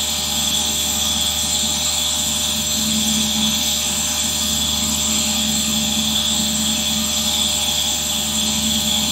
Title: ASMR Nebulizer Sound 4K 1 hour